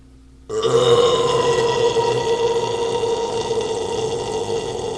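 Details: Person drinking beer lets out one long, loud, rumbling belch lasting about four seconds; burping.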